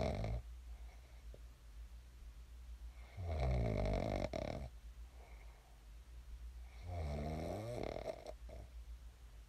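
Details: Person's own sleep snoring, recorded before waking: two loud, low, rattling snores on breaths in, with quieter breathing between.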